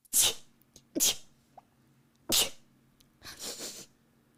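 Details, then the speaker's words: Run of repeated sneezes from someone sneezing since a nasal swab, who describes being allergic to life: three sharp, hissing sneeze bursts in quick succession, then a softer breathy exhale. "i've been sneezing a little bit since i had to stick the thing up my nose"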